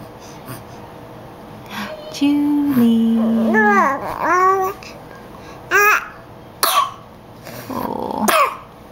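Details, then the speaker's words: An infant babbles and vocalizes, then gives a few short, sharp coughs and throat-clearing sounds; the caregiver remarks that the baby seems aggravated. "are you going to talk hi goodness all you're doing is coughing you're not talking you're not talking to me"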